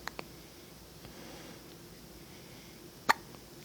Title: Linus and his adorable hiccups!